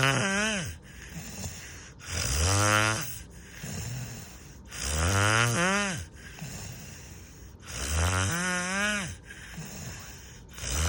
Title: Snoring loud